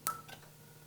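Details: Single sharp snap with a brief tone: first test pulse of a Fotona StarWalker Q-switched Nd:YAG laser on a tattoo, patient phototype 4–5, 3 mm spot at 9 J/cm² fluence.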